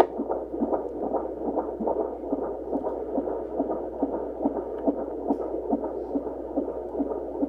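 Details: A fetal heartbeat picked up by Doppler: rapid, steady whooshing pulses at about 143 beats a minute.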